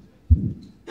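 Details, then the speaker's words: Severe aortic stenosis heard in the aortic area, right second intercostal space: fairly normal first heart sound into a rough crescendo systolic murmur, second heart sound almost inaudible with a slight gap where S2 should be. "now this is going to be severe aortic valve stenosis oops hang on a second all right you hear the difference so now first first heart sounds sort of okay second heart sounds pretty much inaudible and the amplitude of the murmur kind of accelerates as you get through towards the thing"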